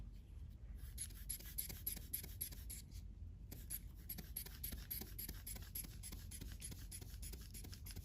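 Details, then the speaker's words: Rapid, repeated squeezing and rubbing sounds as a hand bulb inflates a manual blood pressure cuff to about 180 before slow deflation for auscultation. "So I'm gonna tighten it up again. And I'm gonna go up till about 180, okay?"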